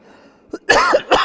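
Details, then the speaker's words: An adult man preaching a sermon gives a short cough burst, with a small preceding sound and a second brief burst, while he talks about his own coughing. "now can you hear me coughing how many of you came here because you are believing the fact for me when I'm coughing I'm saying Lord I did not hear it"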